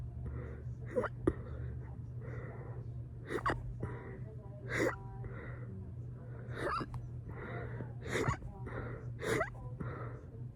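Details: Fast, burp-induced hiccups: rapid, regular, short gasping catches at roughly 40 a minute over a steady low hum.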